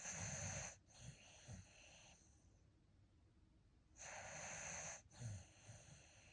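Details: Sleeping dog dreaming with eyes open: harsh, hissing snorting breaths with soft low grunts between them; noisy sleep breathing, snorting.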